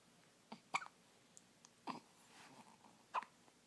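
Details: Three sharp, brief hiccup sounds about a second apart, with fainter ones between, in a quiet room; an infant's first hiccups.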